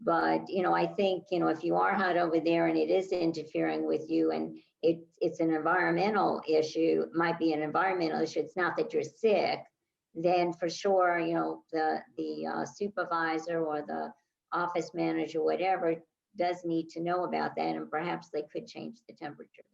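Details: Adult woman speaking; no speech disorder.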